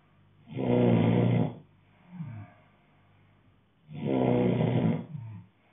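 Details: Adult man asleep: loud, rough rattling snores on breathing in, each followed by a shorter snort on breathing out, two cycles heard; heavy snoring.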